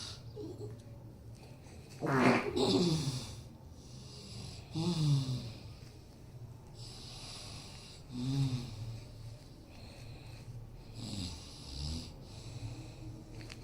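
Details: Mother snoring, making her baby laugh: loud, rough snores repeating about every three seconds over steady room noise.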